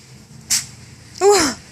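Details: Outdoor deer doe standing with her fawns, with a fly or bug tickling her nose; a short sharp nasal burst, then a louder snorting sneeze to clear it.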